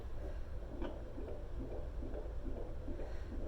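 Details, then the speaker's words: Home handheld fetal Doppler on the lower belly at 36 weeks (measuring 39): fast, rhythmic whooshing pulses of the baby boy's normal fetal heartbeat. "I hear it listen can you hear that that's his heartbeat and so you can see the numbers"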